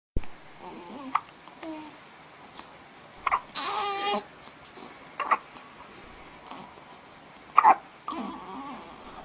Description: Cutest hiccups ever!